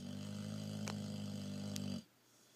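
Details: Loud snoring from a 1.5-year-old Boxer dog: a steady low rumbling snore lasting about two seconds, then quiet.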